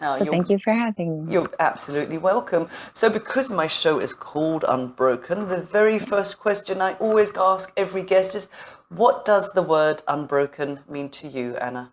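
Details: Adult women in conversation; Normal conversational speech.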